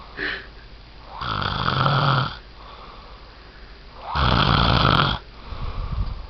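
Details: Adult partner (fiancé) snoring in sleep: loud, rattling inspiratory snores with quieter breathing between, about two snores in six seconds.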